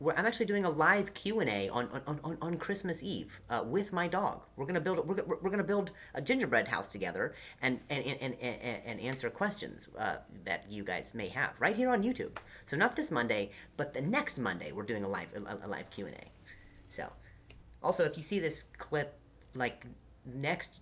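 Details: Adult man, comedian who stutters; stuttering.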